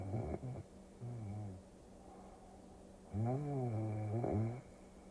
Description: This video combines the soothing sound of snoring with a Tokyo cruising scene, creating a calming ASMR experience that helps you fall asleep faster and sleep deeper.